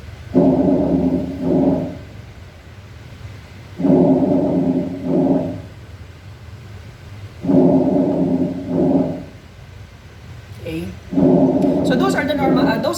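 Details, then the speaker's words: Normal vesicular breath sounds played through a speaker in a chest and thorax assessment demonstration: soft, even breaths about 16 a minute, each longer inspiration followed by a shorter expiration. "next one is we have the visicular breath sound a bisecular red breath sound"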